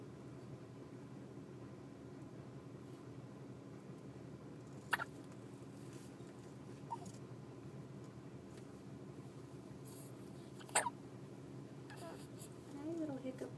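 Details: Sleeping child with hiccups: two or three sharp, squeaky hiccups several seconds apart over quiet room noise.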